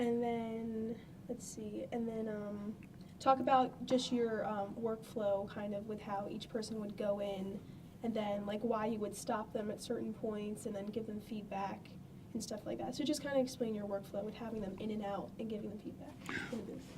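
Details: Adult woman speaking; normal speech.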